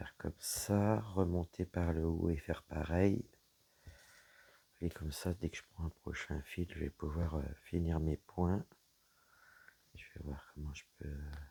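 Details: Woman whose vocal cords were damaged by a serious health problem; she reports her voice is now deeper than before, at times she has little voice, and she cannot speak loudly. Dysphonia with low-pitched voice.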